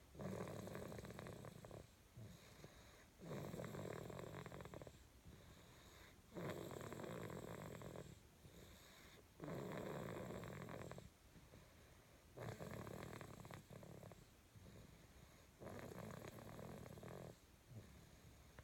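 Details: Person snoring: steady, rhythmic, low rattling snores at about 20 breaths a minute.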